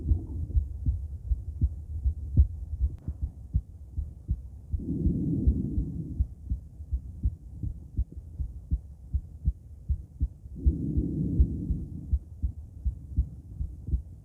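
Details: Normal heart sounds of a female, auscultated with various stethoscopes at Erb's point, mitral, tricuspid, aortic and pulmonic areas: steady soft heartbeats about 80 a minute with breathy whooshes of breath noise.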